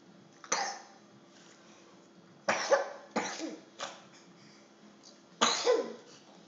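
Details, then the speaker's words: Sleepy young girl eating dinner in her high chair, who currently has a cough, coughs about five times in short, abrupt bursts against quiet room noise. "Poor thing has a cough right now."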